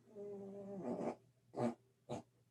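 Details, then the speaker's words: Dog snoring loudly in a quiet room during an online lecture: a drawn-out, tonal, whistling breath, then several short, rough, snorting breaths; snoring. "don't know if you can hear my dog is snoring he's snoring to beat the band over here he's he would wake the dead"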